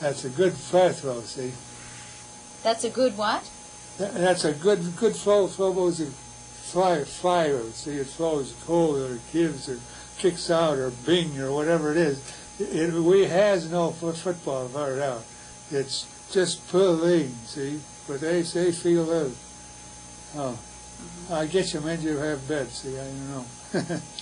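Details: Real patient with Wernicke's aphasia, recorded by a university physiology department; Wernicke's aphasia.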